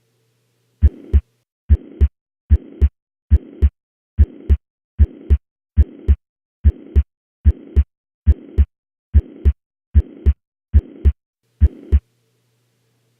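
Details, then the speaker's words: Mitral regurgitation diagnosed at the apex, here heard at the right upper sternal border with changed murmur and S1/S2 intensity: a regular heartbeat near 72 a minute with a blowing murmur filling systole. "apex what's the most likely diagnosis mitral regurgitation also think it's important to point out what this murmur sounds like elsewhere on the chest wall"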